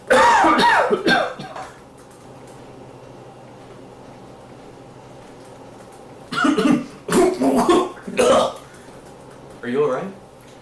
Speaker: yeah it's just a bit of a cough do you need a cough drop thanks